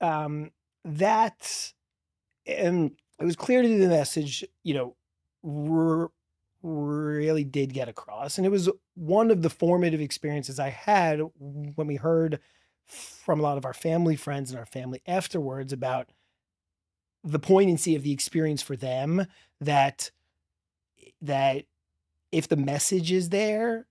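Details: Real stuttering in a 40-year-old man who has stuttered since childhood and describes a strong stutter with blocks, heard in a podcast interview.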